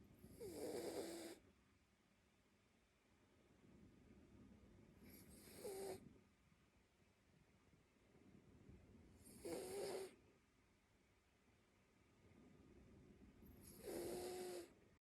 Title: Snoring sleepy cute mini labradoodle dog